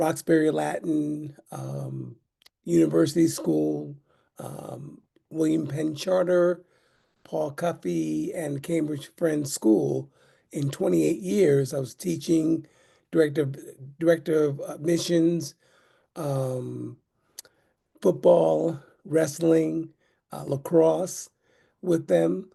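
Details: Adult man with aphasia caused by a stroke in 2016, almost nine years earlier.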